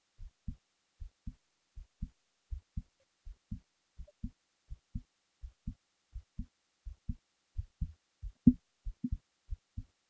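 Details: Paired soft thumps at about 90 beats a minute in near silence, with one louder knock near the end, recorded while falling asleep; a heartbeat.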